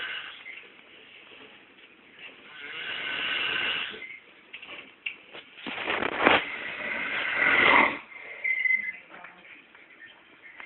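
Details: Rough snoring breaths mixed with squeaky, whistling noises on the breath, recorded indoors; snoring.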